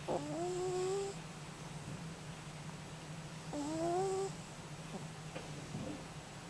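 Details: Two short, whistling, squeaky snoring breaths about three seconds apart over a steady low hum; the recording is quiet, and the sound fits a small animal snoring.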